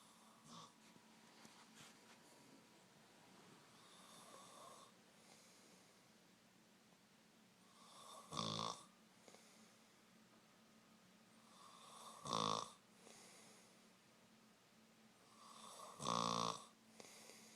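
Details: Three rattling snores about four seconds apart, roughly 16 a minute, with softer breathing in between: snoring.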